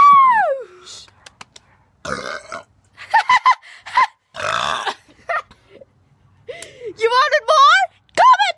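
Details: Burping contest among children: several long, voiced, deliberate burps mixed with children's talk and laughter.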